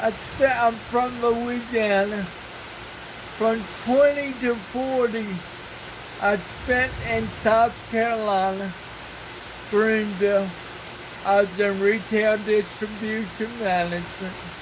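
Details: Dysarthria in an adult man who has lived 49 years with cerebral palsy and reports a speech impairment.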